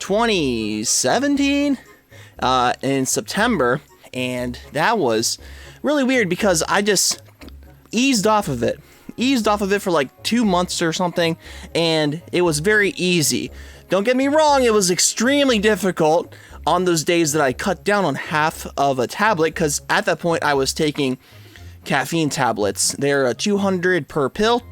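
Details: Adult man with a stutter and speech impediment since around second grade; he reports quitting caffeine has helped it; stuttering.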